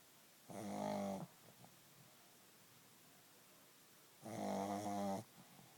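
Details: Two long, rattling snores on breathing in, about three seconds apart; a sleeping pug snoring.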